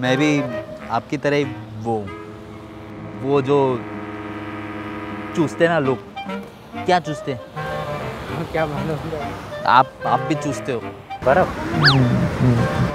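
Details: A male prankster deliberately faking a stammer to irritate members of the public, with repeated initial syllables; finding: stuttering (acted).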